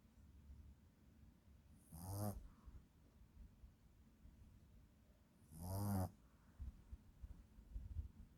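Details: Sleeping Shih Tzu puppy snoring.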